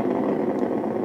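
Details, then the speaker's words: Needle EMG of a woman's arm muscle as she raises the arm: dense, continuous engine-like roar with more motor units recruited; normal, basic motor unit potentials without reinnervation and a full interference pattern, muscle fully innervated. "and these motor units look perfectly normal uh they're what we call Mono or basic motor units that means they do not indicate reinnervation and that means the muscle is fully inovated"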